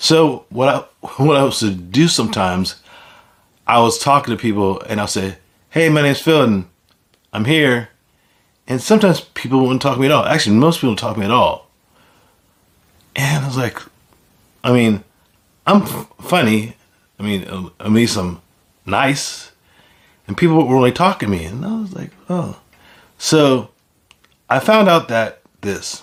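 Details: Aphasia in an adult man following a stroke; finding: aphasia.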